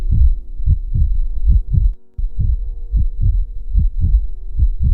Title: Battement de coeur ! Heartbeat sound ! rythme cardiaque - Pulsations !